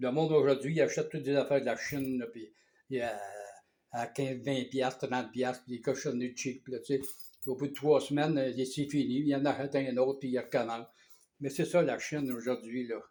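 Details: Man about two years after aphasia onset, now starting to talk again; aphasia.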